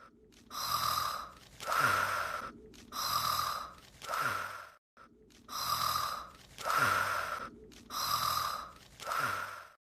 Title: Snore - Sekai Seifuku: Bouryaku no Zvezda (Loop)